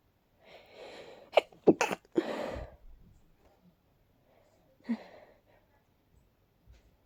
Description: Too big to stifle... really tickly. I felt so congested... agh..